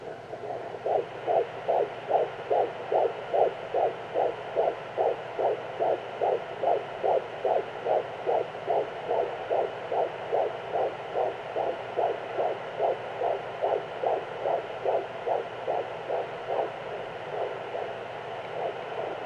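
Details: Fetal heartbeat at 14 weeks of pregnancy: rapid, regular whooshing pulses at about 146 beats a minute.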